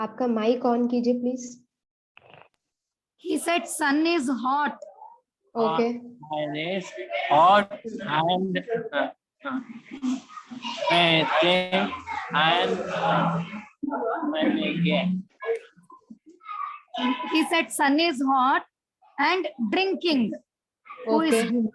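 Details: Adult man in an online aphasia conversation-practice class with a speech-language pathologist, doing a timed picture description; therapist notes he rushes to finish and has difficulty recalling words; aphasia.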